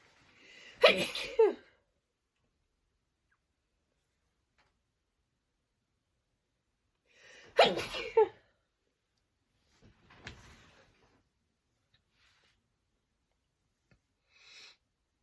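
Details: Acted sneezing: two loud drawn-in sneezes, each with a sharp gasp before the burst, about seven seconds apart, from someone too sneezy to go trick-or-treating at Halloween. Repeated sneezing.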